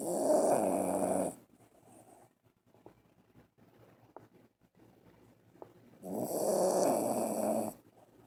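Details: Sleeping dog snoring in deep sleep: two long, loud rattling snores with quiet breathing between them.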